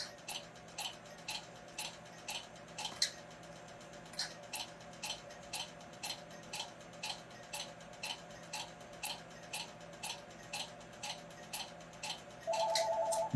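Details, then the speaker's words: Q-switched laser (Spectra, 532 nm) treating a black ink tattoo: sharp snapping clicks about twice a second, with an audible pop as the ink disappears. The patient reports a little pain. "you see there was a pop and it worked well disappeared"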